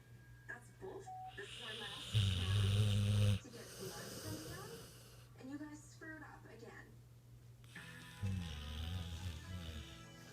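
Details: Two loud, low, vibrating snores with softer snorting breaths and faint music behind; snoring during sleep.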